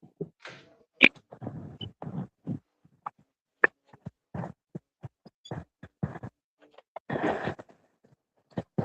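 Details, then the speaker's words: An adult has a run of irregular, harsh cough bursts of varying strength in a quiet room: a coughing fit right after taking a hit of cannabis smoke. ">> [cough] >> Boy, that was a good hit. >> That sounded like it."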